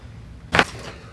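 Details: Single sharp, brief crack over quiet room noise: joint cavitation during a chiropractic neck adjustment through the middle of the neck in a 48-year-old man with neck, back and arm pain, arthritis and grade one spondylolisthesis.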